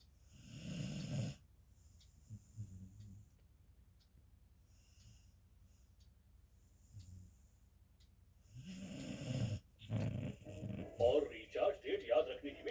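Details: Beagle asleep snoring loudly: rattling snores with quiet breathing between them, then snuffling; ordinary snoring in a sleeping dog.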